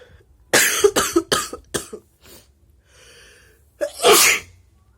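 A run of four sharp, explosive bursts, a short pause, then one more forceful burst: repeated sneezing.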